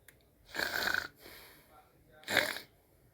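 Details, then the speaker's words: Sleeping dog snoring so hard it trembles: loud, raspy snores with a softer breath between them, roughly two snoring breaths in three seconds; snoring. "Meu mo tá roncando. Nossa, tô escutando baluião. Nega roncar."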